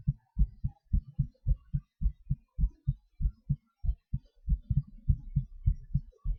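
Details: Self-recorded heartbeat during breath-holds and panting/hyperventilation: deep paired heart thumps, fast at about 105 a minute, with spacing shifting as the rate speeds and slows; heartbeat with rate changes.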